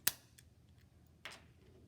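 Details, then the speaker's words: A sharp spring click, then a softer second click, as a lancing device fires to prick the fingertip for a blood glucose test with a Pro Voice V9 meter. "take your lancing device pick yourself"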